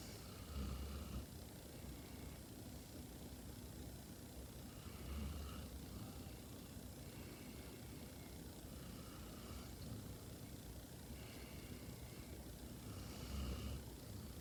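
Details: Soft, rhythmic snoring from a sleeping German Shepherd puppy, about 14 breaths a minute, under steady background hiss; recorded 28 October 2021.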